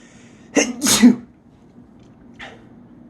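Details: Adult sneezing alone at home: two loud, big sneezes in quick succession, with a softer sound a moment later in a quiet room.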